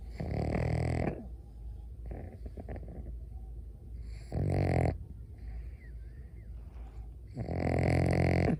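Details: Snoring in a pug sleeping in its owner's arms: loud, rumbling snores on each breath, three in about nine seconds, with softer snuffling between.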